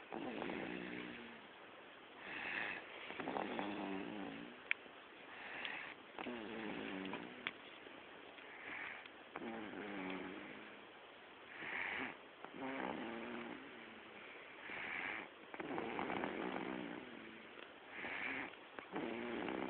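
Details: Baby girl snoring while asleep: soft, rough, buzzing breath sounds about 19 times a minute, somewhat irregular, in a quiet room; snoring.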